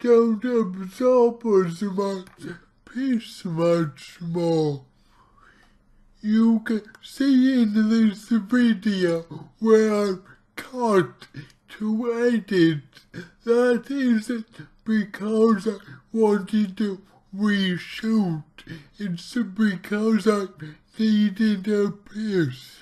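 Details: Dysarthria from cerebral palsy in an adult male speaking about his own condition, heavily distorted speech, while trying a keto diet to see its effect on his cerebral palsy.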